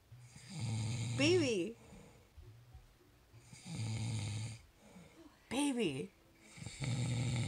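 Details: A husband's heavy snoring on Christmas morning, though he doesn't think he snores loudly: loud, rough, rattling snores on each breath in, with quieter pauses and a few vocal sounds between.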